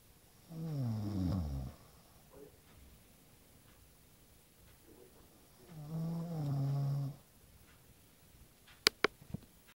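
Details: Two long, rumbling, droning snores about five seconds apart, roughly twelve breaths a minute, with a few clicks at the end, from a sleeping person; snoring.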